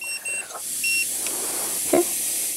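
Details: Short high electronic beeps, then a longer steady tone over soft room hiss: a dental X-ray unit's exposure signal while taking a full-mouth radiograph series on a returning patient, who bites on a film holder stabilized with a cotton roll.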